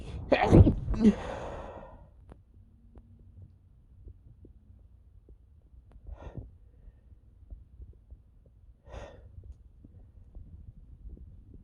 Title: Allergy sneezing (m)